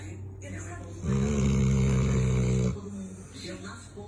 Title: Pit bull roncador? | Snoring pit bull? | Pitbull roncando?